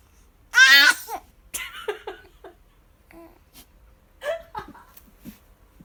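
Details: Baby sneezing four times in a row and finally a big sneeze; loud bursting infant sneeze then several smaller sneeze-like bursts and soft sounds in a quiet room: sneezing.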